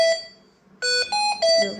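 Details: Repeated loud electronic alarm tones in a stepped pattern: a mechanical ventilator alarm in a hospital room, sounding because the ventilator is not connected to oxygen.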